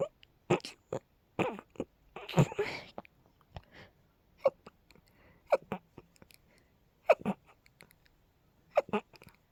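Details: Female with pollen allergy symptoms: rapid run of short, sharp, explosive sneezes with brief gaps, amid laughter; a sneezing fit.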